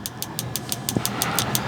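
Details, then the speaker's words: Focused shockwave therapy on the front of an adult ex-football player's kneecap for patellar tendinitis with inflammation: regular sharp clicking pulses, about six a second, over a steady low hum, intensity turned down slightly. "so what the shock wave is doing for those of you who haven't uh haven't heard the explanation where you're currently breaking down cells in the targeted area or wherever this hand piece is touching"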